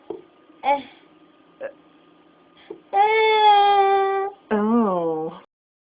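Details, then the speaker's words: Hiccups in a young boy; the parent later wondered whether something else was going on, as he seemed to check out for a second and was crabby afterward. "you've got the hiccups, don't you? Got the hiccups?"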